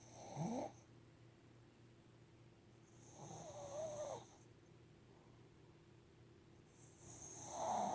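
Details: Rhythmic rattling snores on inhalation, about every three to four seconds, with quiet pauses between.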